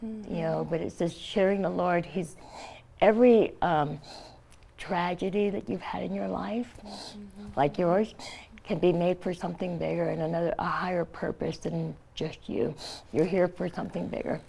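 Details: Adult woman, stage 4 epiglottis cancer (2009) treated with surgery, chemotherapy and radiation; tracheostomy after scar-tissue airway closure, thumb-occluded stoma; partial glossectomy for tongue cancer; no teeth or saliva glands after radiation; imprecise articulation with rough voice.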